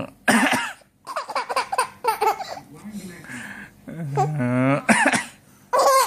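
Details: Adult, the baby's father, gives a few playful, deliberate coughs while the baby laughs in a small room; no signs of illness.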